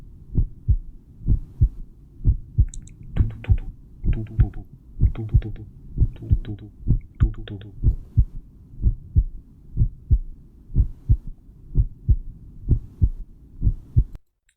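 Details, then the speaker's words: Normal heart sounds heard through headphones: regular paired lub-dub beats at about 62 per minute with talk over them, the noise of heart valves closing. "Olha só ouço só o batimento do coração normal"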